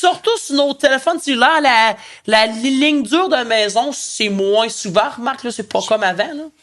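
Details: Adult man who stutters and uses his own techniques to control it; stuttering.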